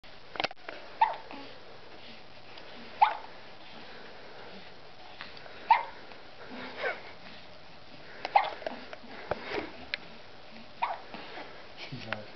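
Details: Hiccups in Adam, a dog: brief, sharp, jerky gulping sounds recurring about every two to three seconds, roughly 22 a minute, with soft sniffing and quiet room noise.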